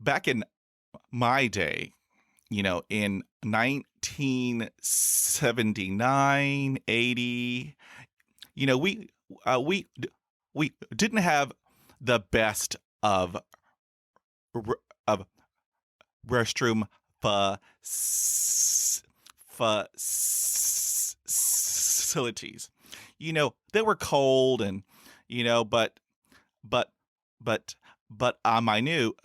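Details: Adult male podcaster who stutters, with about 20 years of speech therapy in school, college and the US Air Force: stuttering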